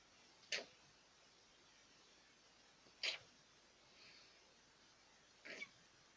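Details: An adult deliberately tries to make a cute sneeze, producing three brief, high-pitched, soft sneeze-like bursts.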